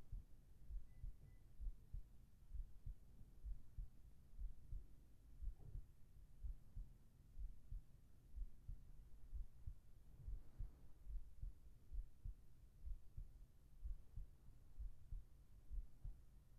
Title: 【ASMR/Binaural】仕事で疲れたアナタへ催眠音声【安眠/添い寝と二度寝と心音と】ShizmASMR Sleeping together,go back to sleep,heart tone